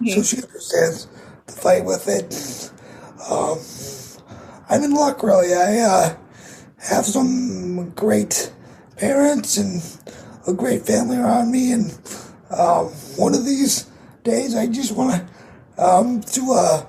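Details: 22-year-old man with cerebral palsy affecting his muscles, muscle tightness making talking harder, effect audible in his voice; dysarthria (cerebral palsy).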